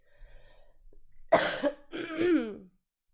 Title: coughing compilation part 2